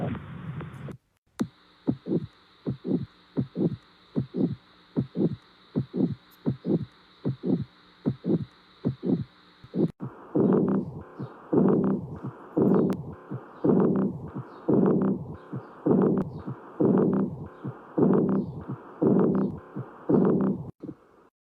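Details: Heart sounds at roughly 60–70 beats a minute, described as tricky; regular beats, with the second half showing longer, smeared beats suggesting an added sound.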